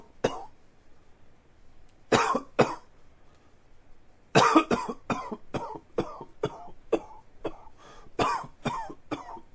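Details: Adult with a recurrent allergic cough: repeated short, dry coughs in clusters.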